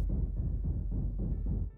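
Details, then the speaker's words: Simulated tinnitus demonstration: a deep, rapidly throbbing low rumble representing one way tinnitus can sound inside the head. "tinnitus is noises in the head that no one else can hear nobody else but you you can hear the noise because does not come from any external source tinnitus can sound like this or like this"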